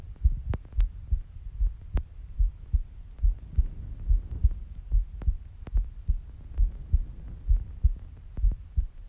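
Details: Steady, regular low double thumps at about 70 beats a minute; an ordinary adult female heartbeat, recorded for relaxation: normal heartbeat.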